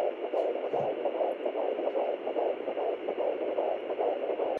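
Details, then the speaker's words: First-trimester pregnancy, home Doppler placed low on the abdomen near the pubic hairline: rapid whooshing pulses, very fast, likened to a dog panting, about 146 beats a minute; fetal heartbeat. "so i've been doing this and hearing the baby's heartbeat and it's a very fast heartbeat so don't confuse it with your own"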